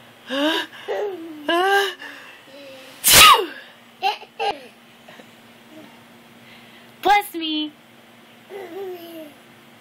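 A sudden explosive sneeze stands out among voices and laughter in a small room, with a second shorter burst later; ordinary sneezing.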